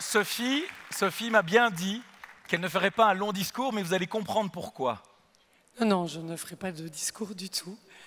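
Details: Adult speaker at a podium; Normal voice.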